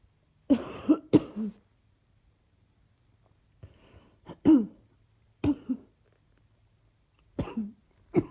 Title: Coughing still